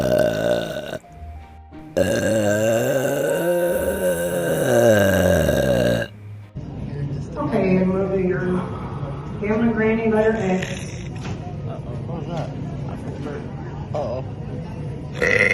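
Long, loud, drawn-out voiced belches with music and talk in the background; repeated deliberate burping.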